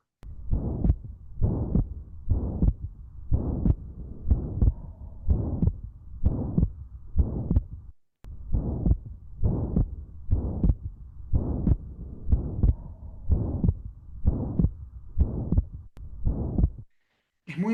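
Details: Regular heartbeat near 62 a minute with a loud, harsh murmur filling each systole and a loud second sound: the holosystolic murmur of a ventricular septal defect.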